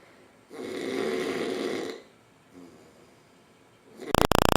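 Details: Adult man snoring loudly while asleep: a loud, rasping snore on one breath, then a quieter one, followed by a sharp burst of noise at the end.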